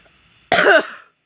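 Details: A single loud, harsh cough after a moment of quiet; cough.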